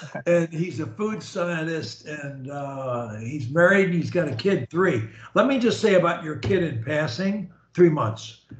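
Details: Adult man; Fluent speech.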